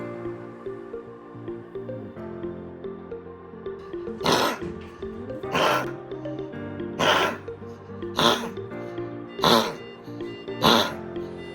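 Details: Dog with grade 4 tracheal collapse (tracheomalacia) gives six harsh, forceful coughs in a row over background music; tracheal collapse cough.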